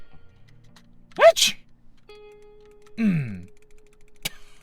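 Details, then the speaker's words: Person with rhinitis, sneezing while gaming; they say a sneeze clears the nose: a quick two-part sneeze with a rising in-breath, then a short groan, faint game tones behind: sneeze. "그래도 비염이 막 활성화돼 있을 때 제 책이 한번 하면 기분 좋아요 코가 뚫려"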